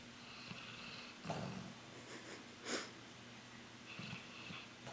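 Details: Snoring during sleep with a repetitive "bub bub bub" pattern: soft, rough, rhythmic breathing noises in a quiet room; ordinary snoring.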